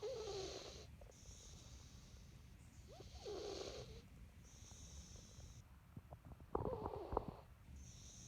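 A cat makes soft, whistling snores on repeated breaths with light snuffly clicks, against a steady background hiss. Snoring.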